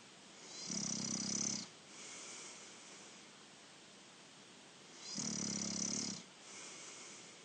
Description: My younger brother snoring! Wednesday 18 December 2019